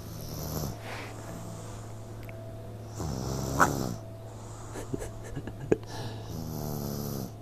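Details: Little child who passed out asleep while waiting for more food: low buzzing snores on the breaths, with a steady background hum and a few soft clicks; snoring during sleep.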